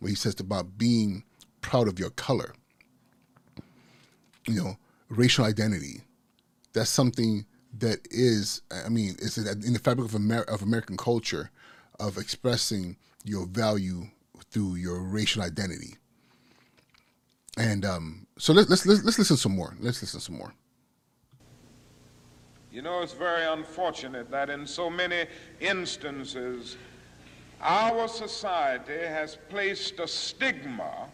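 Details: Adult male podcast host with persistent stuttering that he says never goes away and is not anxiety-related; he warns listeners will catch his stuttering speech patterns. Stuttering.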